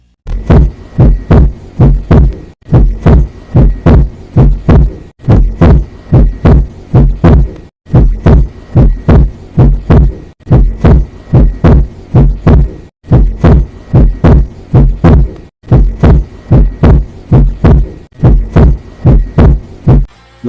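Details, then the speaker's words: Normal first and second heart sounds at the mitral area: regular, low, paired lub-dub thumps at 60 beats a minute. "Estas são uma primeira bulha cardíaca normal e uma segunda bolha cardíaca também normal a 60 batimentos por minuto"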